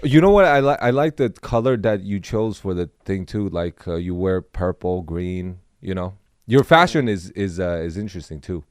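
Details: Adult man; normal speech.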